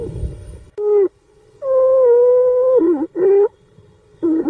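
Loud, high-pitched musical squeaks with breaths, typical of stridor from upper airway narrowing.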